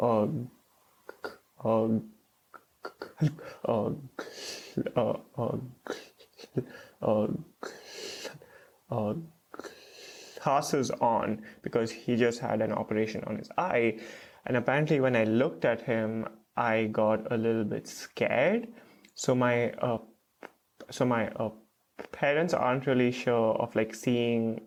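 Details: Stuttering with blocks and repeated 'uh' fillers in an adult male PhD student who has stuttered since age 3–3.5 and is in speech therapy.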